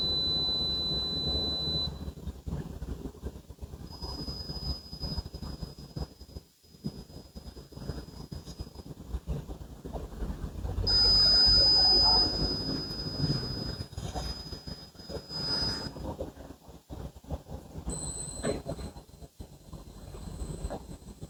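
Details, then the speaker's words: Tinnitus simulation: high-pitched steady tones at several kilohertz pitches over room noise, showing what different patients with tinnitus may hear every day. "Entonces son los diferentes kilohertz que puede tener un paciente. Ahora imagínense usted ese sonido todos los días de su vida."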